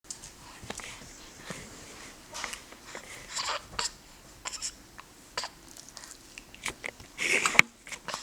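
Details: Baby in the first month of life with hiccups: soft, brief, abrupt catches recurring about every second against quiet room noise.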